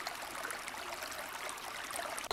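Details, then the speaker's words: Simulated water creek nature sound, one of six options in a hearing aid's tinnitus sound-enrichment feature; running water used as a tinnitus masker. "रीसाउंड में प्रकृति की ध्वनियों का चयन होता है, जो फिर से, विभिन्न प्रकार की समुद्री लहरें हैं।"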